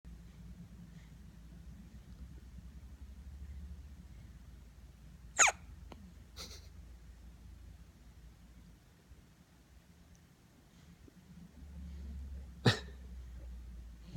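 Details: Infant boy with hiccups, smiling and drooling after milk: three short, sharp catches spaced several seconds apart in a quiet room.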